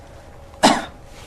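A single short, forceful cough from an adult in a quiet room, produced on request during an abdominal examination to help localize pain.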